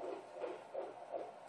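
Rapid, regular whooshing pulses on fetal Doppler, about 160 a minute: a strong, normal fetal heartbeat.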